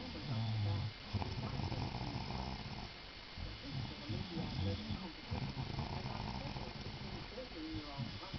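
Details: A sleeping male snoring really loudly, with rough, low rumbling breaths repeating in cycles over a noisy background; snoring.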